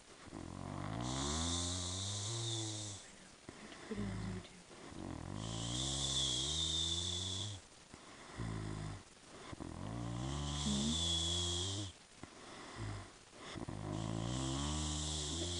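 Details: Girl snoring while asleep: repeated loud, rattling snores with a whistling hiss, about four breaths in fifteen seconds; heavy snoring.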